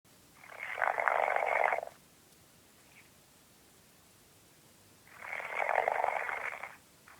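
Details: Two harsh, rough snores about four seconds apart, near-silent between them; snoring.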